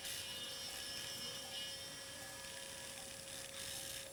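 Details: Steady high-pitched whine and grinding of a surgical drill on bone. The patient is a 26-year-old male with hearing loss and facial palsy undergoing lateral skull base surgery.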